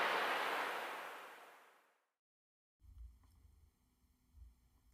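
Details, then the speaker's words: Loud hiss fading to silence, then soft low heart thumps with a faint scratchy, scraping quality: pericardial friction rub, typically associated with acute pericarditis, best heard on deep inspiration with the patient leaning forward. "Para concluir, hablaremos del roce pericárdico, que es similar a un ruido de raspado. Se asocia típicamente a pericarditis agudas y se ausculta mejor en la inspiración profunda y con el paciente inclinado hacia adelante."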